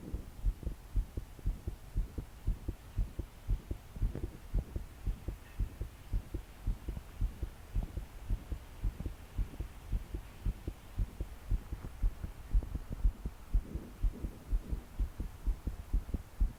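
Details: 22-year-old female trying to sleep, body shaking with each beat, deep breaths not helping: strong, fast, throbbing heartbeat about 118 beats a minute with soft background hum; pounding heartbeat.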